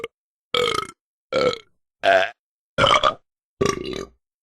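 Five loud, drawn-out voiced belches at a steady pace with silence between: burping, from a sound-effect recording.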